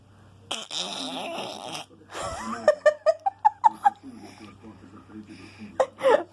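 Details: Young child, asked by her mother to show how her father snores, playfully imitates snoring: a run of short, rhythmic snorting breaths with laughter around them; imitated snoring.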